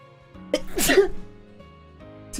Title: 【/自用無烤】sneeze 2